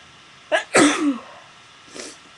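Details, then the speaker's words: A short in-breath, then one loud explosive sneeze and a faint sniff, from a girl who says her allergies are attacking her during a sneezing video with a friend; real allergic sneeze. "okay blow your nose than stop stop sorry you give me three too many my allergies are attacking me"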